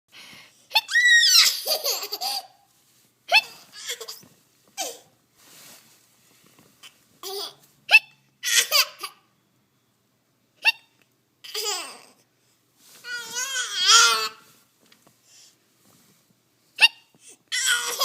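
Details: Child giggling at hiccups: bursts of hearty laughter with a few short, abrupt catches between them.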